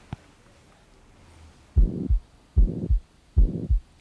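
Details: Heart murmur heard at the chest while the neck pulse is felt, with the patient sitting forward after a deep breath in and out, held, then breathing normally; Round 8 heart murmur sounds.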